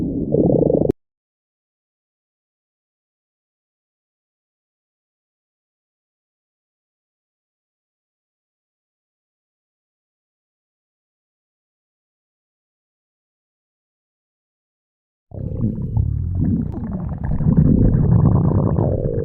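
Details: Low gurgling abdominal rumbles from a girl, a short one then a longer one after a long silence, during hunger: stomach growling (borborygmi).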